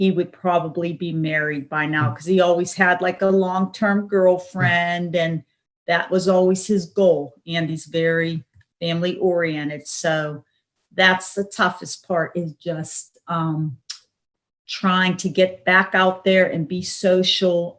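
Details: Adult speaker; Plain speech.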